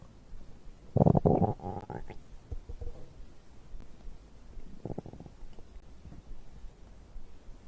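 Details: Bowel sounds recorded after drinking a beverage: low gurgling rumbles in two bursts with quiet between them, ordinary digestion sounds.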